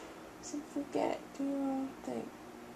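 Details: Adult woman talking in her sleep at night, a frequent sleep talker, rambling about the refrigerator and TVs in the house; she asks why she is being filmed and claims to be awake, though she is not fully awake.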